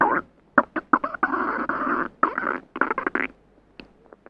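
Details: Sound-effect recording of irregular gurgling, bubbling bursts with brief gaps: stomach growling (borborygmi).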